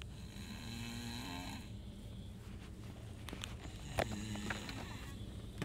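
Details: Snoring: a long, low rattling sound on a breath, then quieter noisy breathing with a few clicks, against steady background noise.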